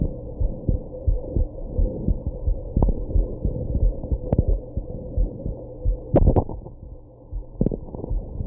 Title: My heartbeat after drinking and smoking || WITH HICCUPS